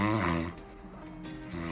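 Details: Snoring test in a dental sleep-medicine course, jaw in normal position: a loud, low, buzzing snore, a quieter stretch, then another rumbling snore.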